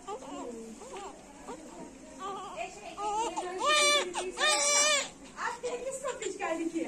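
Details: High-pitched, thin, intermittent crying with short wails from a small premature newborn cared for in the NICU.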